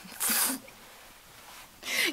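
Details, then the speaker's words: Two hissing sneeze-like bursts about 1.5 seconds apart from a 29-year-old Dutch woman who suspects she is catching flu, maybe only a cold, feeling tired and hot and cold at once. "I have a feeling that I'm catching up with a flu a little bit so oh well maybe maybe it's not and it's only just a cold"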